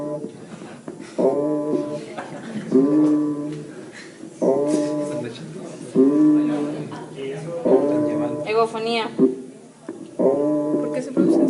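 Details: Egophony in a teaching demonstration of normal and pathological breath sounds on lung auscultation.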